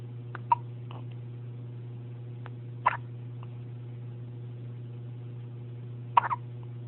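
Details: Newborn baby on day 1 of life, first hiccups after birth: three short, sharp hiccups at irregular intervals over a steady low background hum.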